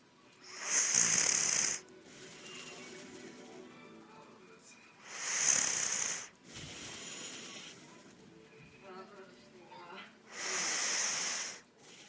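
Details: Molly snoring: loud hissing, rasping snores recurring about every 5 seconds, with quieter breathing between them.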